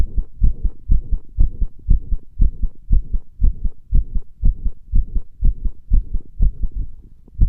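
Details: Heart sounds recorded under firm compression: steady, deep, muffled paired thumps at about 120 beats a minute.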